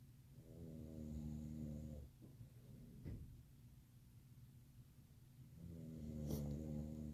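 Two long, low, rattling inward snores separated by a quiet pause, with faint background music.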